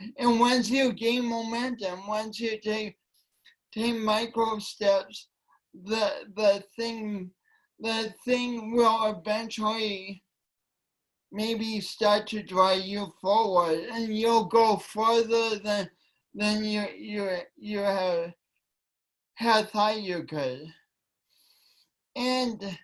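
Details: Woman with a long-standing speech impediment affecting her voice and coordination, which she tried to deny for years; speech impediment with disfluency.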